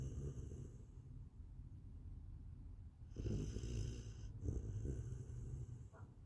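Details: Soft, low rumbling snores with a quiet background hiss from Willow, a sleeping puppy who had played all day without naps. Harmless snoring.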